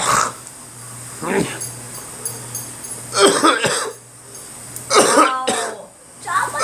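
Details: Coughing during a cold: four loose, harsh coughs in short bursts, some doubled, with quiet gaps and low room hum.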